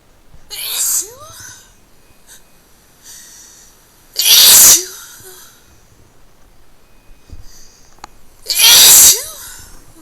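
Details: Wet, hard sneezes, recorded through a poor-quality microphone: three forceful sneezes, each a sharp hissing burst after a brief indrawn breath, spaced a few seconds apart in a quiet room.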